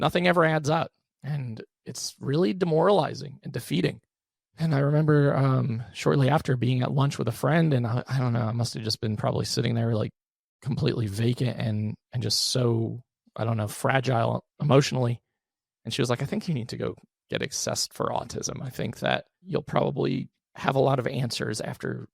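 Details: Adult male with one vocal fold paralysed by 2022 open throat surgery for a rare chronic recurring throat condition, after 2021 endoscopic surgery; voice improved after extensive speech therapy, tires daily; vocal fry (creaky voice) from unilateral vocal fold paralysis.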